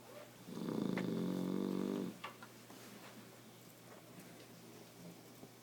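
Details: Old man snoring loudly, recorded while asleep: one loud, rough, rattling snore on an in-breath, then quieter breathing in a room; snoring.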